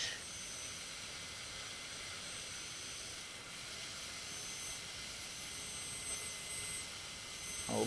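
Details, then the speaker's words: Steady high-pitched hiss and whine of a high-speed dental handpiece cutting tooth during molar/premolar veneer preparation: initial finish line using less than half the bur tip, partial occlusal reduction, butt joint. "we are doing initial Finish Line using less than half of the tip way more or less okay just we're making"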